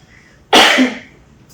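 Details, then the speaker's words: A single short, explosive cough in a quiet room from a speaker fasting during Ramadan, after over half an hour of talking; the voice had suddenly gone, which they suspect is from fasting. "Agak sedikit batuk."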